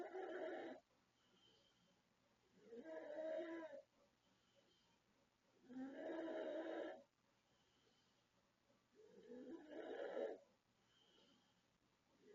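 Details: 36-year-old woman from the Philippines, asleep at night, recorded August 2024: four loud, harsh, growling snores about every three seconds, near 19 breaths a minute, with silent pauses between. Very heavy snoring.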